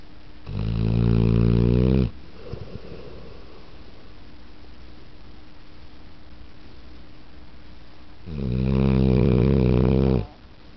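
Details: Pit bull snoring while sleeping in a room with the TV on: two long, loud rumbling snores about six seconds apart, with quiet breathing between; snoring.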